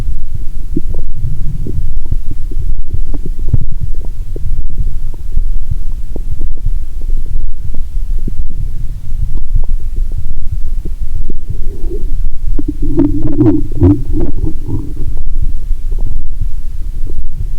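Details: Stethoscope on own abdomen while lying down, after drinking cola and swallowing Mentos: low steady thumping, likely heartbeat, then a burst of gurgling rumbles; active bowel sounds.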